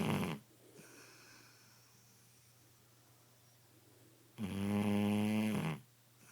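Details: Sleeping Shar Pei dog producing two loud, drawn-out buzzing snores separated by a quiet pause in a small room; snoring.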